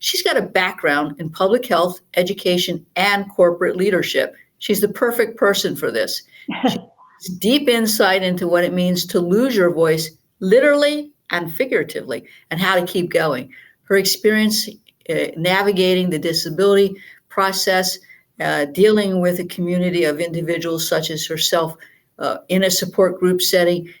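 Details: Adult woman speaking; normal speech.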